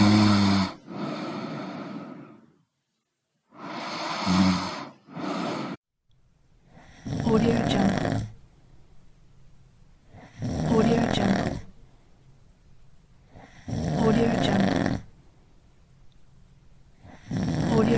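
Loud rattling snores on inhaling, about 18 a minute, with quiet gaps between them.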